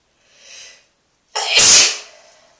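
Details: Person sneezing in a bathtub: a short in-breath followed by one loud, explosive sneeze in a small echoing room.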